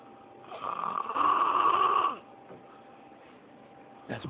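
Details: Man who is heavily drunk and asleep: one loud, rough, rattling snore of about a second and a half, then quiet room noise; heavy snoring during sleep.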